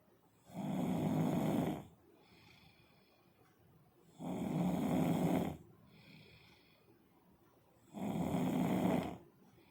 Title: Snoring 😃😝